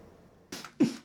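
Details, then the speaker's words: Two abrupt, forceful throat-clearing huffs in quick succession: a simple vocal tic in Tourette syndrome. "the neurological disorder causes sudden uncontrollable ticks many cases go undiagnosed"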